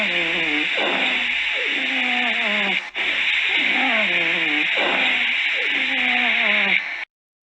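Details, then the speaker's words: Expiratory wheeze in an asthmatic patient: repeated musical, falling whistling tones over a loud hiss, from air hitting narrowed airway walls on breathing out. "es más o menos para que puedan escuchar un poco de cómo es que se escucharía la sibilancia espiratorio en un paciente asmático"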